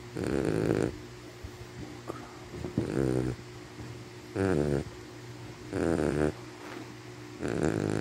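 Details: Sleeping dog described as a Sharphie: loud, rattling, vibrating breaths recurring about every one and a half seconds; heavy snoring.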